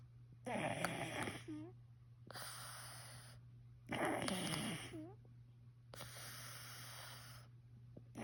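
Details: Rattling, noisy snores on each inhalation alternating with hissing exhalations, about 18 breaths a minute over a steady background hum: a male sleeper snoring.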